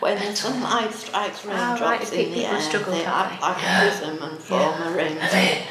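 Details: Recorded patient example of rare mixed laryngeal dystonia, adductor and abductor types together, tight strangled croaky voice alternating with breathy weak voice; mixed adductor-abductor laryngeal dystonia (spasmodic dysphonia).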